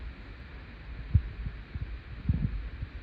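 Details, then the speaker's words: Normal heart sounds, S1 and S2 with no murmur, heard through a stethoscope diaphragm over the aortic area during a physical assessment: soft low thumps over a steady hum. "Okay. S1 and S2 are heard and I did not hear any murmurss."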